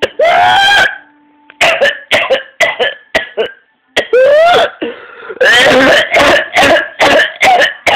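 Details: 14-year-old with paroxysmal cough causing vomiting, color change and fainting: long high-pitched crowing whooping in-breaths alternating with rapid strings of harsh coughs.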